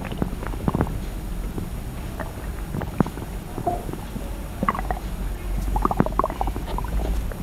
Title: Stomach Sound ASMR, slosh & crackle | Stomach Growling